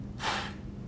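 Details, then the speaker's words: Peak flow meter test: one short, forceful maximal exhalation after a deep breath into a peak flow meter, reading 330 litres per minute; first of three attempts, later readings 370. "all right big deep breath blow as hard and as long as you can all right good job we got a reading of 3:30 so that's three hundred and thirty liters per minute and we're gonna record that in a patient's chart"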